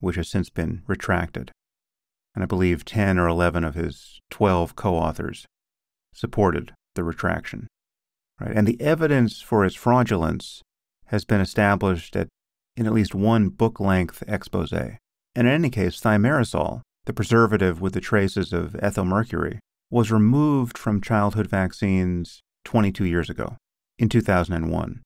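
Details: Adult male speaker; typical speech.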